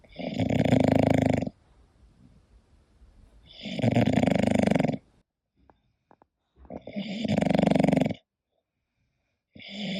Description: hii, it's Koda, my english bulldog sleeping and snoring, this relaxing video and sound is for everyone and obv for bulldog lovers!